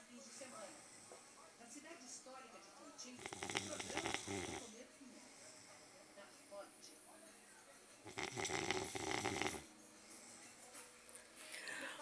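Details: Husband snoring in sleep: two loud, rough, rattling snores a few seconds apart over quiet breathing and faint room noise; snoring.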